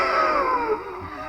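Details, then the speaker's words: A subject's spirometry maneuver in a training demonstration, told to take a big deep breath and blast it out: a strong, forceful breath blast fading over about a second, a maximal forced exhalation. "Okay, let's go ahead and try it again. Nice, big, deep breath and blast it through. Blast it."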